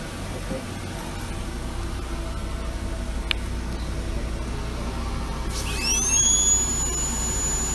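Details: Dental operatory with a ventilation system running and patient on nitrous oxide: steady mechanical and room noise, then a high whine rises near the end as an ultrasonic Cavitron scaler and high-speed drill start.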